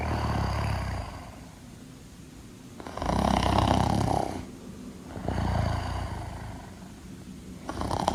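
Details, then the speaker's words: Simulated cartoon snoring sound effect, not a real person, played through an intercom: loud, deep, rumbling snores rising and falling every couple of seconds. "today's episode is evil 69 plays Number Block 79 snoring effect through the intercom injoy the video"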